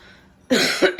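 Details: A single harsh cough burst with a brief second expulsion, over quiet room noise, from a person caring for pet guinea pigs, whom the coughing upsets.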